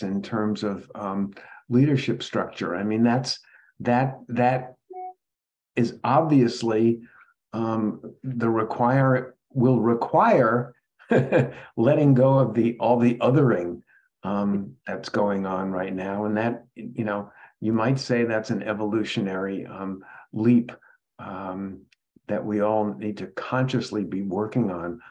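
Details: Adult male speaker; normal voice.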